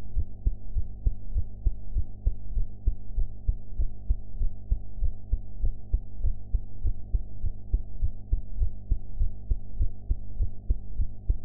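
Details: Own heart sounds recorded after eating: steady low thumps about 100 beats a minute over a constant low hum, sound quality enhanced; normal heart sounds.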